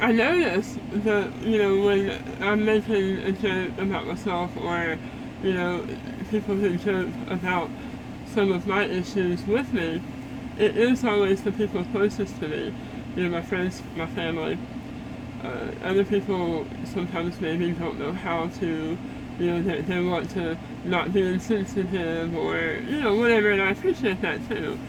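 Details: Adult woman after stage 4 head and neck cancer treatment and repeated strokes, with a neck hole and a feeding tube, and food coming out of her nose; some words hard to say; altered, muffled voice.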